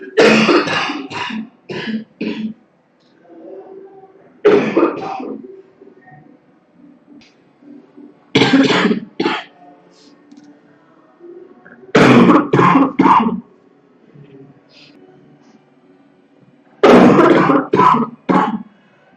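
Five bouts of rapid coughing from a girl, each three to five forceful coughs, with throat clearing and quiet gaps between.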